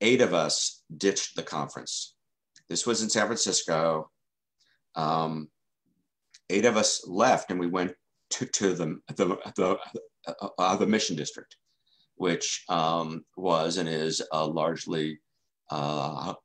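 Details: Stuttering in an adult man who has stuttered since childhood and has been in the stuttering self-help movement since 1992.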